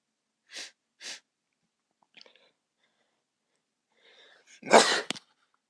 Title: Few induced sneezes to start the new year!